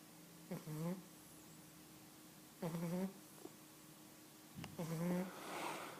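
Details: 11-week-old Cavalier King Charles Spaniel puppy snoring while asleep: three short, squeaky, whistling snores, about 28 breaths a minute.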